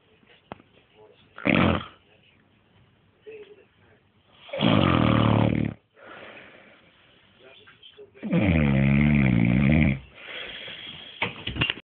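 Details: Person sleeping: loud, rattling snores with fluttering vibration a few seconds apart, separated by quieter breaths; heavy snoring.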